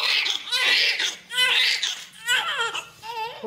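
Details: Newborn baby boy just after normal delivery at 39 weeks, weight 3.3 kg: loud, rhythmic, high-pitched vigorous crying in repeated wails, about one a second.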